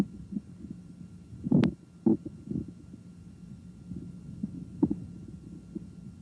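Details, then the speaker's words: Normal bowel sounds: irregular soft gurgles and clicks heard with the stethoscope diaphragm placed lightly on the right lower quadrant, where the ileocecal valve lies, during a head-to-toe nursing assessment before percussion and palpation. "Because the ileocecal valve is in this quadrant, bowel sounds are usually audible here."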